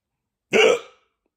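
A single abrupt, voiced gulping hiccup sound, a brief catch of breath closing sharply.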